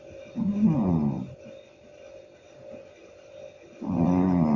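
A cat snores loudly, with two rattling, buzzy in-breaths separated by a quiet out-breath.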